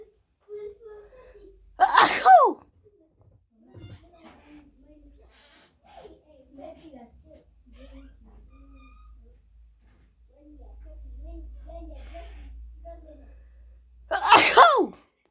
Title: Wide Nose Sneezes Africa.